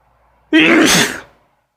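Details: Person with uncontrollable sneezes: one sudden, forceful voiced sneeze lasting under a second, then quiet; sneezing.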